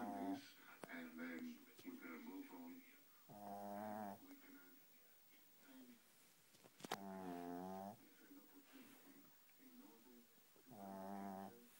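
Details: Shih Tzu dog snoring: three nasal, humming snores about every 3.5 seconds with soft snuffles between them, in a small flat-faced dog.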